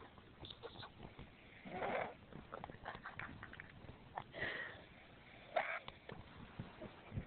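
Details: Quiet room with rough, snorting breath noises recurring about every two to three seconds as the animal sleeps; snoring.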